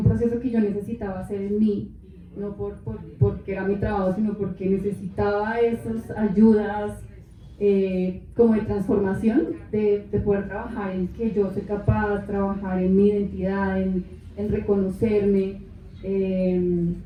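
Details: Adult woman with aphasia for 13 years after a left-hemisphere stroke from a ruptured aneurysm with haemorrhage, followed by a month in coma; she woke unable to speak, read or write, with half-body paralysis; finding: aphasia.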